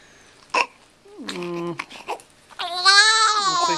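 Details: Short gasping sounds build into a strong, loud cry of a newborn girl just after birth, following heart rate decelerations in labor; vigorous crying a good sign.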